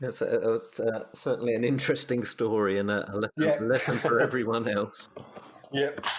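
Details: Adult male speaker; Ordinary speech.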